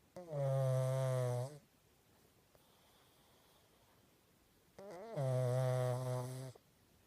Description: My pug is so loud lol 😂